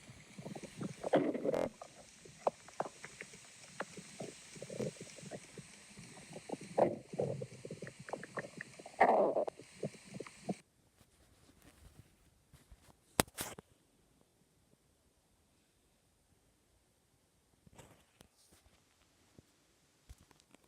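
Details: Stomach growling (borborygmi) while Marshall listens: bursts of gurgling, rumbling bowel sounds over faint hiss, fading to quiet with a few late gurgles.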